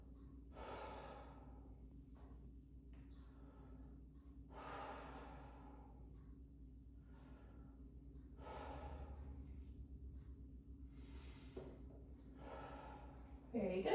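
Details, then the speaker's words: Adult patient lying back takes deep breaths in and out through the mouth while a student nurse practitioner auscultates the front of the chest with a stethoscope; deep mouth breathing. "So just every time I move my stethoscope, just take a deep breath in and out of your mouth."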